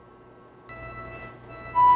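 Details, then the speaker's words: During an anesthesia machine checklist, a test lung is squeezed during automatic ventilation to create high pressure; a single loud, clear alarm tone sounds over a steady low musical hum: high airway pressure alarm. "now alarm is ringing and monitor is reading High Airway pressures"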